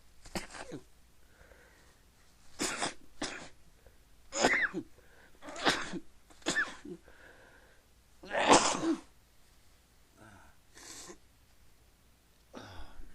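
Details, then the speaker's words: Person deliberately stifling repeated sneezes to keep them quiet, saying they can't stop: a bout of about seven held-back, muffled sneezes with quiet gaps and soft breaths between them. "I feel like got to sneeze I feel like it later I'm start keep it quiet that's so good have to sneeze again"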